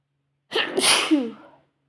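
A single sneeze: a brief indrawn breath, then a sharp, explosive burst of air that quickly fades.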